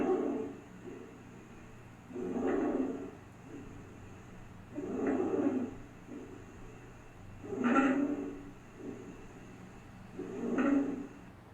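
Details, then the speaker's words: Loud, harsh, high-pitched, predominantly inspiratory noisy breaths at about 22 a minute, demonstrated as stridor, indicating obstruction of the larynx or trachea. "nosso próximo vai ser o estridor isso aqui indica Principalmente quando você estiver ao escutando esse som vai me indicar principalmente obstrução tanto aqui ó na minha laringe como também na minha traqueia são predominantemente inspiratórios"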